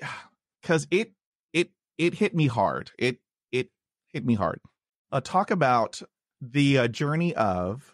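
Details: Podcast host who stutters, introducing his guest with a repeated word; stuttering.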